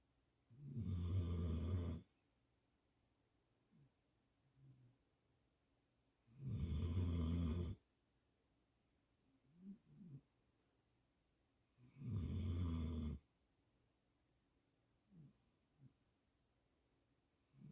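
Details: Deep, rumbling sleep snores from a mastiff-mix dog, about every 5.5 seconds (roughly 11 a minute), with soft breathing between them; ordinary snoring.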